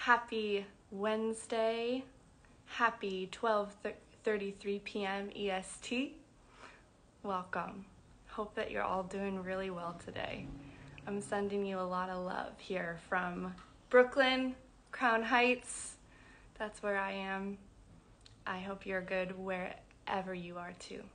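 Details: Adult woman who identifies as a person who stutters, speaking; stuttering.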